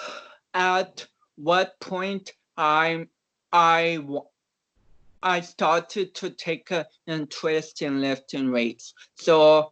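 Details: Dysarthric speech in a man of about 29 with cerebral palsy, an athlete and powerlifter whom doctors had not expected to walk or talk.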